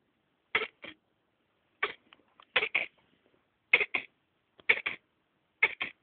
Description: My poor hedgehog coughing :(